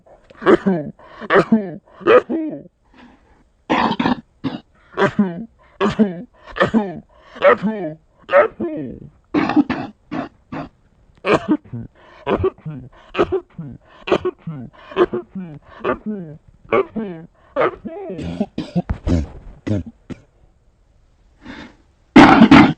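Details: A sick dog coughs in a long run of short, harsh, hacking bursts, ending with a sharp, forceful sneeze: coughing and sneezing.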